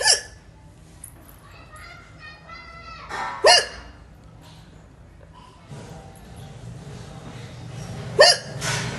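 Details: Indian woman with hiccups: two sudden, sharp hiccups about five seconds apart, with faint talk and music in the background.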